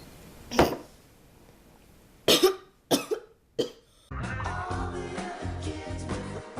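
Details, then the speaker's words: Choking cough after choking on juice: four sharp, forceful coughs in separate bursts, followed by background music. "And that's what happened. I choked on my juice."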